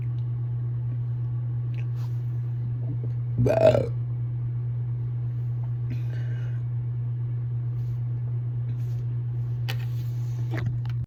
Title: Hiccup Burps